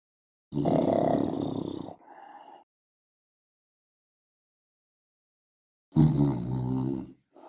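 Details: Two loud, rough, low rattling snores separated by a long silent pause; snoring.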